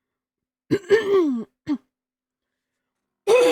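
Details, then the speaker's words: Three quick voiced throat-clearing bursts in a quiet room from an adult with Tourette syndrome during a live stream; repeated throat clearing. "Pardon me. Apparently, I'm dying today."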